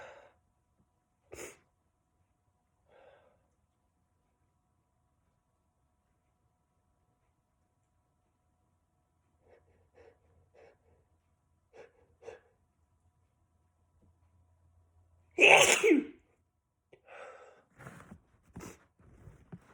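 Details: Man sneezing: soft quiet breaths build to one loud, explosive sneeze, followed by a few quieter breathy sounds.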